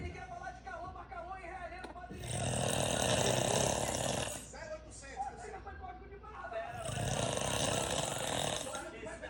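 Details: Dad snoring very heavily.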